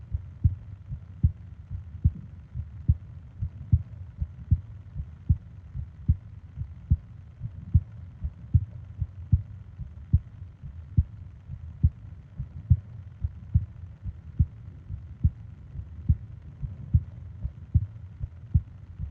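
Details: Sleep ASMR heartbeat and breathing recording: regular low heartbeat thumps about 70 a minute, steady rhythm, over a soft low hum; normal heartbeat.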